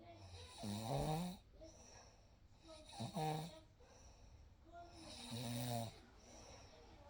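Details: Real night recording of sleep: soft, low, voiced snores about every two and a half seconds, with quiet pauses between in a still room; gentle snoring.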